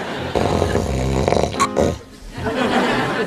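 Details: Acted snoring in a sitcom scene: an adult man at a sleep-study clinic, who stayed up all night beforehand, gives loud, rattling, snore-like snorts over room noise; simulated snoring.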